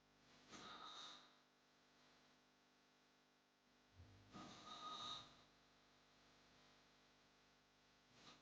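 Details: Snoring sound effect: two harsh, hissing, snorting hard snores about four seconds apart.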